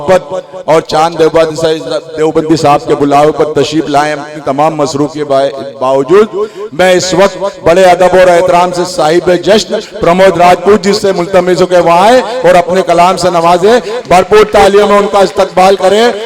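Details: Adult male announcer; Normal speech.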